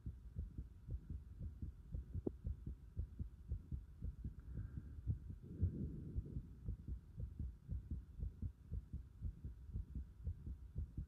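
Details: Heart sounds recorded with a pulsation at the pit of the stomach (epigastrium): regular, dull low thumps at about 115 per minute with a steady hum behind them.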